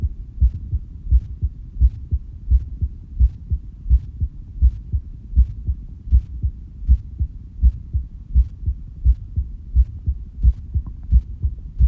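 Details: An adult's heartbeat recorded during breath-holding, with the pulse visible in the stomach: steady, regular low thumps at about 86 beats a minute over a faint hum.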